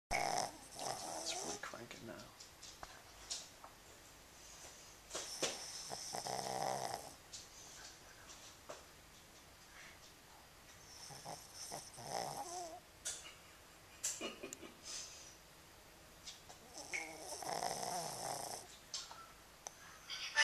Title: My new roommate snores